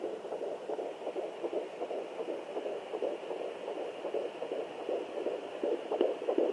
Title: Sonoline B Fetal Doppler